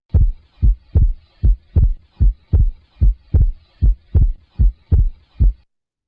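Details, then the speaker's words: Teaching recording of regular heart sounds near 75 beats a minute with physiological splitting of S2, the split normally varying with respiration. "is normal to hear a variation in the splitting with respiration"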